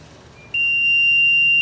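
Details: Quiet room, then a loud continuous high-pitched tone as an LTV 1200 ventilator is switched off by holding the power button.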